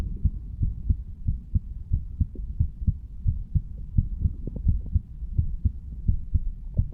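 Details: 35-year-old male standing, heartbeat recorded at the mitral (bicuspid) valve area: regular low thumps at about 86 beats a minute with faint background hum; normal heart sounds.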